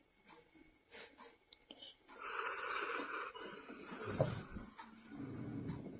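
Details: Sleeping golden retriever snoring: rough, noisy breaths with a snorting, rattling quality.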